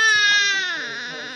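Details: Day-4 newborn born by caesarean in a maternity hospital, who has passed the hearing test before discharge: a single loud, clear, high-pitched cry that falls in pitch and fades over about a second; ordinary healthy-sounding newborn cry.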